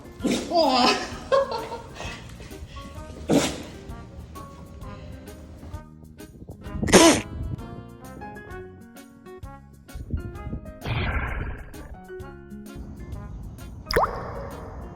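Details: A Husky dog gives about five sharp sneezes, some with an odd quacking, Donald Duck-like tone, over background music: sneezing.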